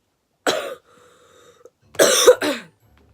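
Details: Coughing fit in an 18-year-old woman while smoking cannabis: three harsh, forceful coughs in two bursts separated by a brief rasping breath.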